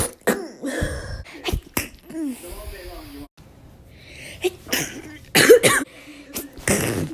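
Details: Woman sneezing for a minute straight: repeated explosive bursts with brief inward gasps between them, a run of sneezes in quick succession.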